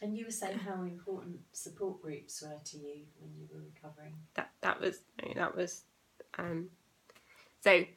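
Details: Adult woman speaking; normal speech.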